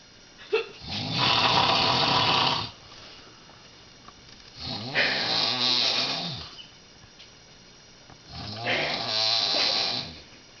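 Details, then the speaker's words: Woman in her 50s sleeping at night, recorded 11:13 p.m.: very loud, long, harsh, rattling snores, three in ten seconds, about 16 breaths a minute; loud snoring. "And right now, this is proof time, okay? Loud snore. Okay, loud."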